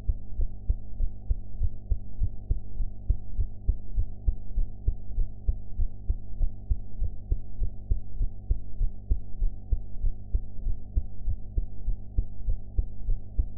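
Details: Heart sounds recorded after eating: steady low thumping heartbeat around 100 per minute under a constant hum; ordinary heart sounds.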